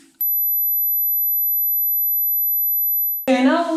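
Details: Steady, very high-pitched pure 12 kHz hearing-test tone lasting about three seconds, said to be audible to people under 50, followed by speech; high-frequency hearing test tone.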